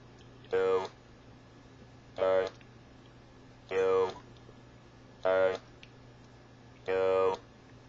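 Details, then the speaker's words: Electrolarynx voice on its male pitch setting: five short bursts of flat, buzzy, mechanical voicing at a lower pitch. "well now I can change the pit on my Electro larns this is the male boys"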